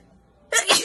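A single sharp, explosive sneeze after a brief silence, an allergic sneeze.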